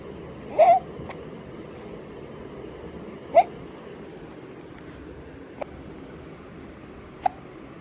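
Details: Baby with hiccups: four short, sharp hiccup sounds at irregular intervals, about 22 a minute, over steady room noise: infant hiccups.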